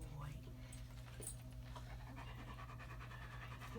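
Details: Older German Shepherd with rear leg weakness and left buttock atrophy, during a chiropractic adjustment for atlas right superior: steady rapid open-mouth panting with a low hum and faint handling noise.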